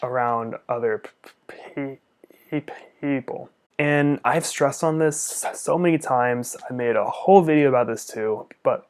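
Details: Stuttering in an adult male speech-language pathologist who uses upper-body jerks as secondary behaviours and also has Tourette's syndrome with facial, jaw and neck tics; his father also stuttered.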